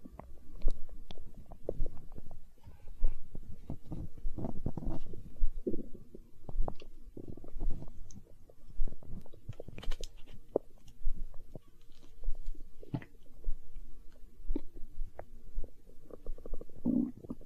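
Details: Stomach growling in hunger, tagged as empty-stomach sounds in an ASMR recording: irregular low gurgles, rumbles and pops from the belly, normal borborygmi from gas and fluid moving through the gut.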